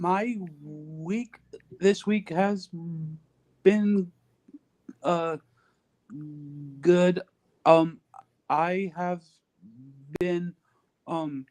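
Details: Male podcast guest who stutters and is reading out loud to improve his stuttering and speech; stuttering.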